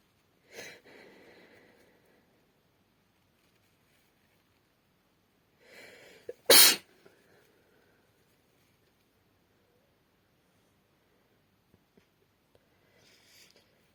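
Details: A female sneezes into her hand: a single sharp, explosive sneeze with a brief breathy intake before it and faint breathing afterward in a quiet room.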